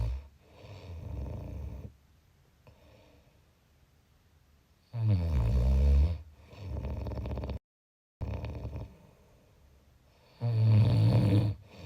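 Deep, low rumbling snores on breaths a few seconds apart, with quieter breathing between; snoring.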